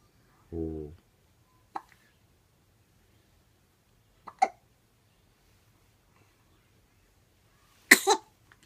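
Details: Tiny baby with hiccups, lying in bed with father, a few brief, abrupt catching sounds spaced several seconds apart in a quiet room.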